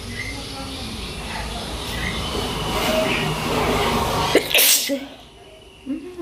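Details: Sneeze outdoors for a sneezing challenge: one sharp, apparently acted sneeze burst amid wind, chatter and voices.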